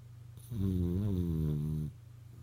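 A single loud, low, buzzing snore on one breath lasting over a second; snoring.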